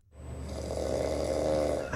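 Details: Snoring during sleep: one long, loud, rattling snore on the in-breath with a vibrating rasp from the throat; snoring is discussed as a possible symptom of sleep apnea.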